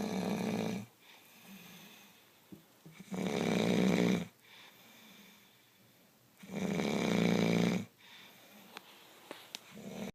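Regular loud rasping snores on each breath in, about every three seconds, with quiet breathing out between: snoring.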